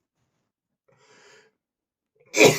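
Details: Adult male gives a faint breathy intake then one sharp, explosive sneeze, which he attributes to dust in his nose.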